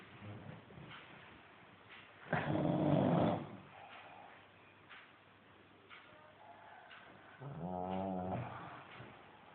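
Two loud, rough snoring breaths with fluttering vibration, between quieter breathing, over a muffled recording; snoring.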